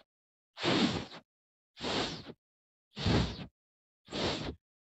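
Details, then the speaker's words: Simulated heart murmur made by blowing into a microphone for practice, not a real heart sound: four breathy whooshing bursts, each about half a second. "you can actually pull that and blow into it making a murmur like this"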